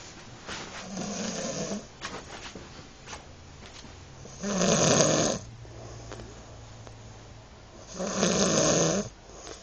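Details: Snoring: loud, rattling snores on breaths in, roughly every three to four seconds, with quieter breathing between.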